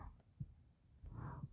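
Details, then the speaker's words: Adult's own normal heartbeat recorded for ASMR while quietly reading Beowulf aloud: soft, low paired thuds about a second apart, roughly 60 beats a minute. "Today we're going to just nap with you listening to my heartbeat while I read to you quietly. Hopefully that makes it more soothing for you."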